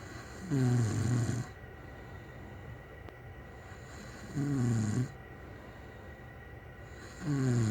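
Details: Person snoring in bed beside the recorder: low, rumbling snores roughly every three seconds, about 16 breaths a minute, quiet between them over steady room noise.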